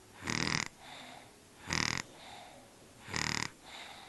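Three harsh, rattling inhaled snores at about 43 breaths a minute, each followed by a softer, faintly whistling exhale: a dog snoring.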